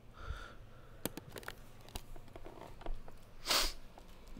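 A single sharp, explosive sneeze after a quiet sniff and some room noise, in an adult with a head cold.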